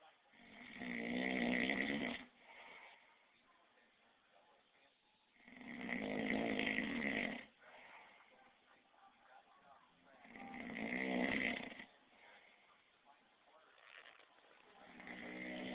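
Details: Loud, rough, rattling snores on breathing in, about every five seconds with quiet breathing between; ordinary snoring.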